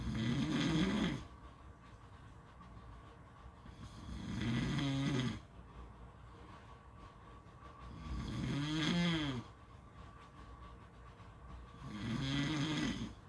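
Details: Four loud rattling snores, one with each breath in, about 15 a minute, recorded with beach sounds; ordinary snoring.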